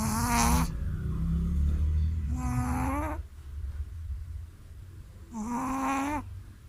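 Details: Shih Tzu dog sleeping after a bath: three loud, tonal, rattling sounds, each about a second long and several seconds apart, over room noise: snoring.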